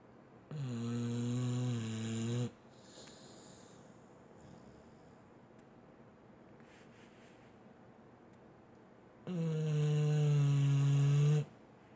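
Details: Sleeping female dog snoring: two long, loud, low snores about nine seconds apart, with quiet breathing in between.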